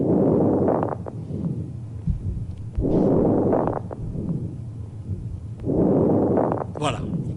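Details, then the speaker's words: Auscultation teaching recording (bronchiolitis lecture): breath sounds with short, fine crackling pops late in each inspiration, described as bronchiolar opening sounds; fine crackles. "on va en terminer avec les craquements je ne vous parle pas de leur genèse ça c'est simplement que ce sont des bruits d'ouverture des bronchioles"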